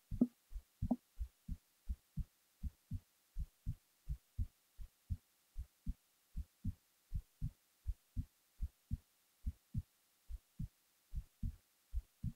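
Clear paired low thumps, about 70 beats a minute, steady rhythm; a resting heartbeat while falling asleep.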